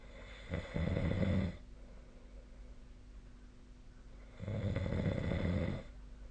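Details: Snoring during sleep on 2025/03/03: two rough, low, rumbling snores about four seconds apart, roughly 15 breaths a minute, with steady room hum; snoring.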